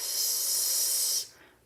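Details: Correct /s/ sound demonstrated by a speech pathologist as the lateral lisp therapy target, shaped from a slow 't' with air released through the front of the mouth.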